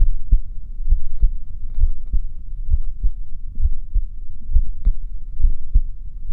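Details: Steady low thumps at about 66 beats a minute with a soft background hum, a recording of the uploader's own heartbeat; normal heartbeat.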